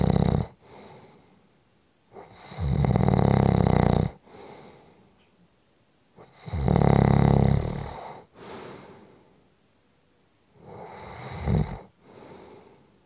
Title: Short Snoring Audio Clip 5 Minutes